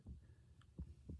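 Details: Normal S1 S2 heart sounds in an adult patient, heard through a stethoscope with the bell at the pulmonic area, left second intercostal space: soft low thumps.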